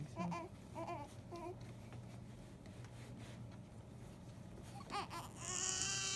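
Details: Newborn baby girl: short high-pitched cries and whimpers over room noise; a normal newborn cry.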